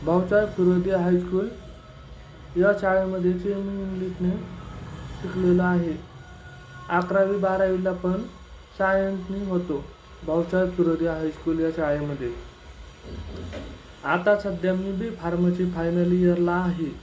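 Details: Speech of a deaf young man, a final-year pharmacy student, who learned to speak despite deafness from childhood; speaking Marathi.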